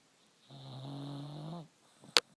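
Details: Sleeping dachshund snoring: a single drawn-out, tonal snore ending with a brief sharp click, ordinary sleep snoring.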